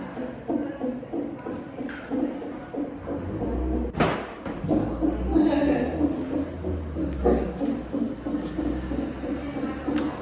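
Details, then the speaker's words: Fetal heartbeat on a Doppler monitor at a gynaecologist appointment, with the baby in breech position: rapid, rhythmic whooshing pulses; the baby is awake, kicking and moving. "It's actually kind of calming to hear the baby's heartbeat."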